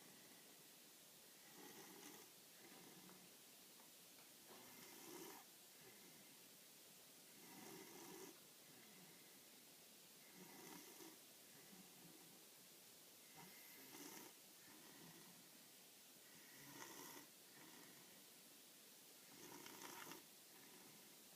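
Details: A cat sleeping in its new bed snores softly and rhythmically at about 20 breaths a minute in a quiet room.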